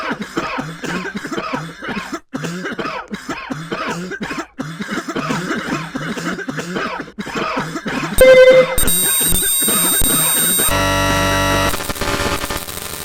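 Rapid, repeated voiced coughs run together for about eight seconds, then electronic tones and music take over.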